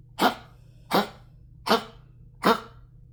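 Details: Female dog coughing: four sharp, harsh honking coughs about 0.75 seconds apart, a run of coughing.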